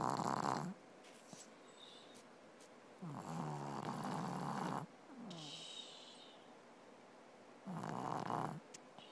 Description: I can't believe how much she snored this morning